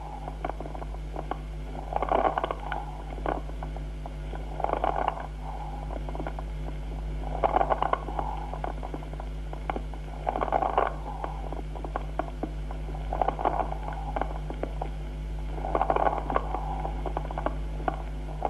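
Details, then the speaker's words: Harsh tubular blowing breath sounds, about 21 breaths a minute, with bubbling crackles of sonorous timbre from a bronchus within lung consolidation on each breath over a low hum: consonant rales with tubular breathing, as in pneumonia. "adquiere un timbre sonoro y se llama estertor consonante su presencia es importante para el diagnóstico de neumonía"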